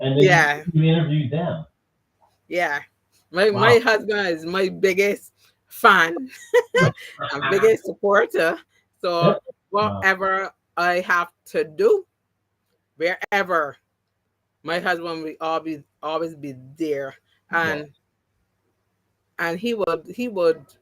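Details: Adult woman with three strokes (2017, 2018, 2019); the first, haemorrhagic, took her speech and paralysed her right side; she relearned to talk, though some words will never return: aphasia, partially recovered after stroke.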